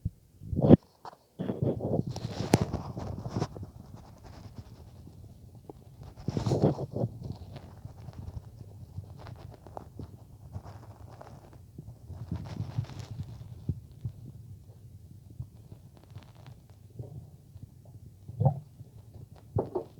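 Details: Bowel sounds.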